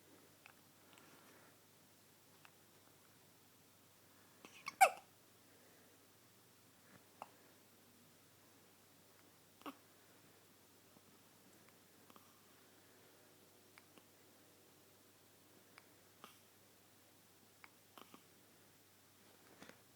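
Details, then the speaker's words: Cat hiccuping after eating: short, abrupt hiccup clicks every couple of seconds in a quiet room; hiccups. "Haley, you got the hiccups?"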